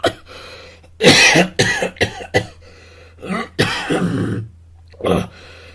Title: Auditory discrimination activities | Human Body Sounds | cough | Mohamed Khodir